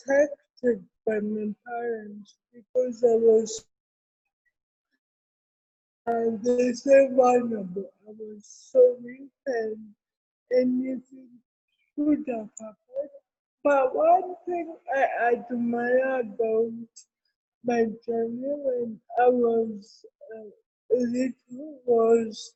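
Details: Adult woman with cerebral palsy present since birth, speaking in an interview: dysarthria (cerebral palsy).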